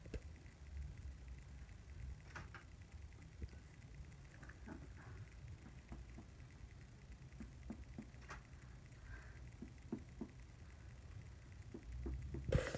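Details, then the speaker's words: Abdominal percussion during a head-to-toe assessment: soft, scattered finger taps over the right upper quadrant (liver) and left upper quadrant (spleen), where a dull note over an organ is a normal finding. "you might find like a dull sound to appear if you go over an organ and that would be a normal finding"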